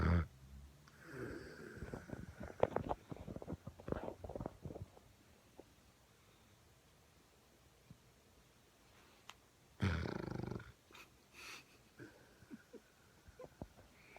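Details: Pitbull snoring in sleep, likened to an old man: irregular snorting, fluttering breaths in bursts separated by quiet pauses.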